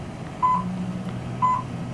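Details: Class IV therapy laser giving two brief mid-pitched beeps about a second apart over low room hum, signalling active emission, while treating the lower back in slow circular motions; demonstration, pain assumed to originate at L4–L5/L5–S1.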